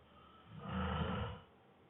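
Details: Exhausted man asleep after a long workday, snoring heavily: one loud, low, rattling snore on an in-breath, rising and fading over about a second, in a quiet room; snoring.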